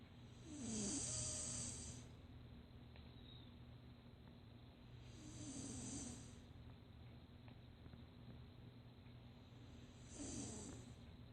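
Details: Snoring: three loud, rasping snores on inhalation about every 4.5 seconds, roughly 13 breaths a minute, over a steady low room hum.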